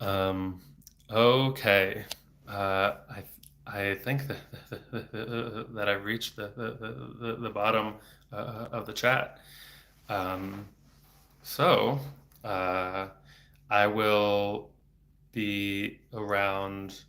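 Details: Adult man, a speech-language pathologist, who has stuttered since about age eight, with speech therapy off and on until his early 20s; repetitions while reading messages aloud; stuttering.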